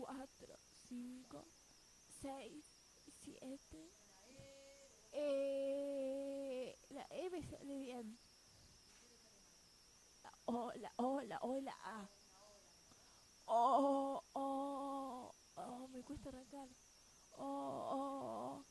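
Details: Mixed adductor-abductor spasmodic dysphonia in a girl, heard counting and saying short phrases.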